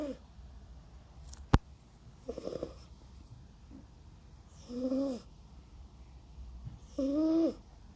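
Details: Intermittent noisy breaths, some with a squeaky whistling tone, from a sleeping cat snoring, against quiet room noise.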